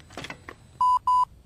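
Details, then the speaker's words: A click, then two steady mid-pitched beeps: a LIFEPAK AED's power-on tone when pressing the on/off button beside a collapsed patient, before voice prompts begin, in a training demonstration. "set the LIF pack AED on the same same side of the patient is you press the onoff"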